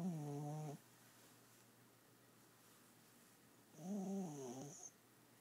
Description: Princess snoring